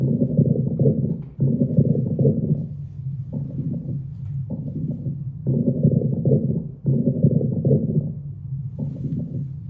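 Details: Normal bowel sounds heard by stethoscope auscultation over the abdomen: low rumbling, gurgling bursts that come and go, several every few seconds.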